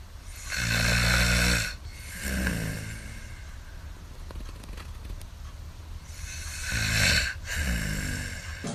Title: Why people are snoring 😴 (Snoring Solution)